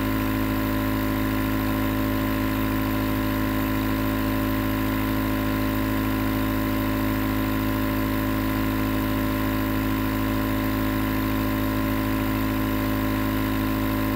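Steady, continuous mechanical hum and hiss of a running nebulizer compressor, unchanged throughout.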